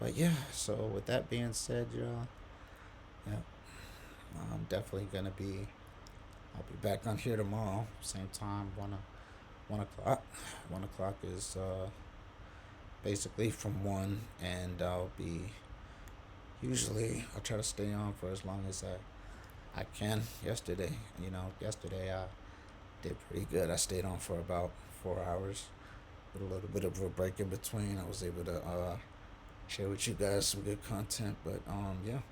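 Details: Adult quadriplegic man with C1-C2 spinal cord injury on a diaphragmatic pacer at 18 breaths per minute, able to talk only on exhalation, with pauses and difficulty getting certain words out; breath-limited speech (short phrases on exhalation).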